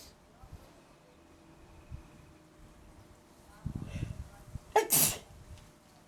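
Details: Sneezing on a balcony, apparently triggered by something in the environment: a short catching in-breath, then one sharp, forceful sneeze over quiet background; a single sneeze.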